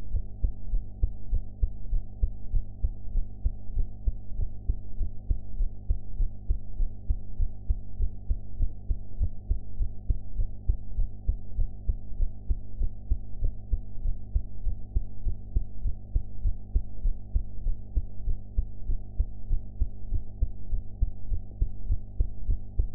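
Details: Person's own heart sounds recorded after eating, sound quality enhanced: steady low heart thumps at about 100 beats per minute over a constant low hum.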